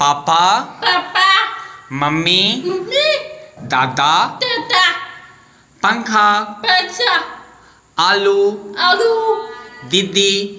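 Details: Young girl with hearing loss who uses a cochlear implant, repeating simple Hindi words during auditory-feedback speech therapy, with therapist model words possibly mixed in; speech of a child with hearing loss.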